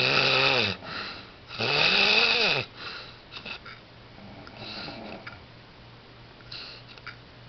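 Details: Loud, rough, rattling snoring with a whistling edge, about two long cycles then quieter breathing, during sleep.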